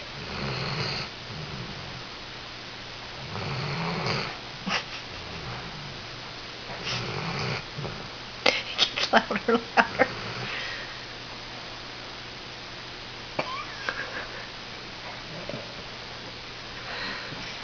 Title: snoring